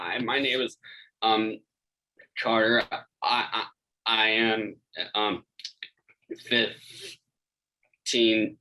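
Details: 15-year-old who stutters, a stuttering clinic participant, presenting at a celebration: stuttering.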